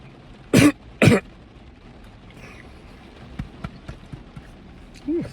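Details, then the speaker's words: Adult man eating a sandwich gets food stuck in his chest: two sharp coughs followed by several soft throat-clearing sounds as he tries to clear it. "I got something stuck in my chest. I ain't lying."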